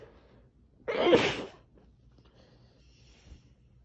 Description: Muffling my loud sneezes by pressing my face into a towel.